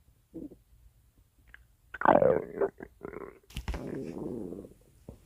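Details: Stomach growling picked up by a microphone, audio altered by radio-style processing: intermittent gurgling and groaning tones with a rising squeal; ordinary bowel sounds.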